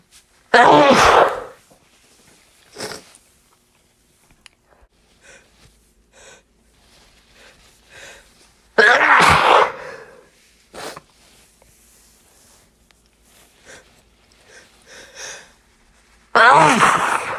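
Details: Stifled sneezes after dusting, held back to stay quiet late at night: three forceful, partly suppressed sneezes with quiet sniffs and breaths between; repeated stifled sneezing.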